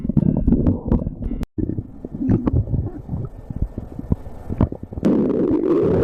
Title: stomach growling